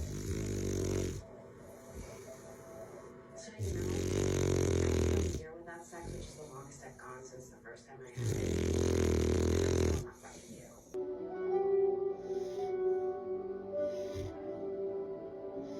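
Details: Olde English Bulldogge napping: loud, rattling snores in a steady rhythm, about one every four to five seconds, with background music; a resting dog's snoring.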